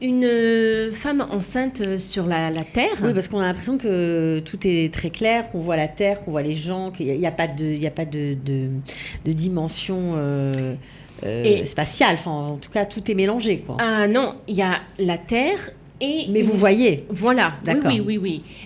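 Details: Adult woman speaking French; normal speech.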